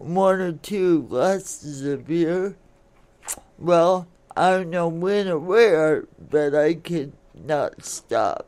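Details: Adult woman born in 1959 with cerebral palsy caused by oxygen being cut off to her brain during delivery; it affects her speech and motor skills, and some listeners find her hard to understand; history of alcoholism; dysarthria (cerebral palsy).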